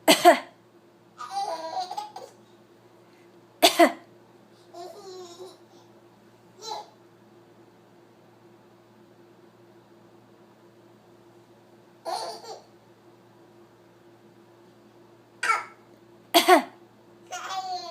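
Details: An eleven-month-old baby gives about six short, sharp coughs, spaced irregularly, with soft babbling sounds in between; infant cough.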